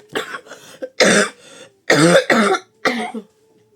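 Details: Woman who is ill and exhausted with a cold and throat trouble: several harsh, forceful coughs in a run with throat clearing between them, a coughing fit.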